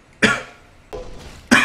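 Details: Three short, sharp adult coughs, the middle one softer, with quiet room noise between; a plain dry-sounding cough.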